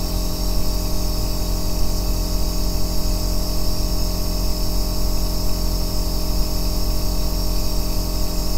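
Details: Aerosol nebulizer running continuously, recorded as an ASMR white-noise track for sleep and relaxation: a steady loud droning compressor hum with a constant hiss, without pause.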